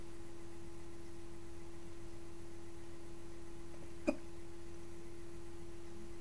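A single short, sharp hiccup against a steady background hum.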